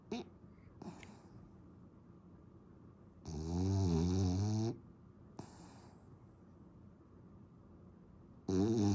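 Two loud, rattling snores on inhaled breaths with quiet pauses between; ordinary loud snoring.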